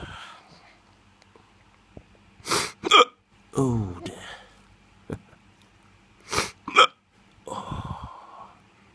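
Sharp, abrupt hiccup sounds come in pairs, with groaning exclamations between them. These are repeated hiccups.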